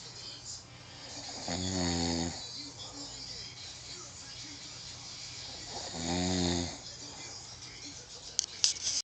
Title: This is why I can't sleep:/ He snores like a beast